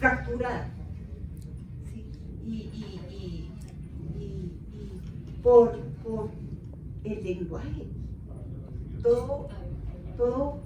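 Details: Aphasia in an adult woman, 13 years after a left-hemisphere cerebrovascular accident (ruptured aneurysm, haemorrhage) with a month in coma; initially unable to speak, read or write, with paralysis of half her body.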